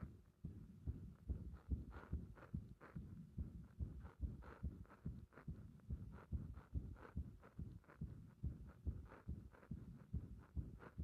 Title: 心臓弾ける感覚の不整脈多発する圧迫心臓音動画